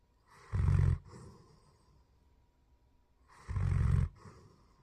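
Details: Sleeping German Shepherd dog: two short, low, rumbling snores about three seconds apart, each with a softer breathy tail; snoring.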